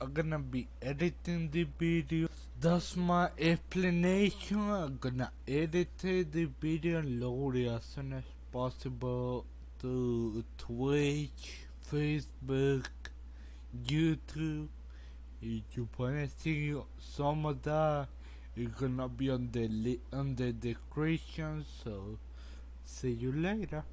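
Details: Adult man with Friedreich's ataxia, a genetic condition affecting him since age 18 and progressively worsening, which he says causes the way he talks; uses a walker and wheelchair; ataxic dysarthria.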